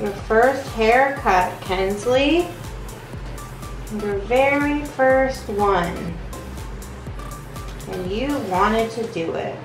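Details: Adult woman speaking to a child; typical adult speech.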